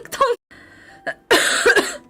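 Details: A few harsh cough bursts from a girl, with a brief voiced sound between them; she is unwell and told to buy medicine; an ordinary acute cough.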